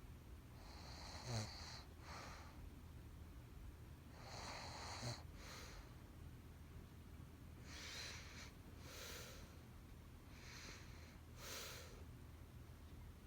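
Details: Adult woman (girlfriend) snorting in her sleep: irregular noisy snorting breaths in a quiet room, a few sharp snorts among softer breath sounds, about 16 per minute.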